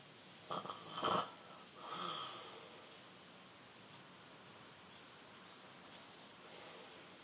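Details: Younger brother asleep: two short rattling snorts, then a softer breathy snore and quiet breathing in a still room; snoring.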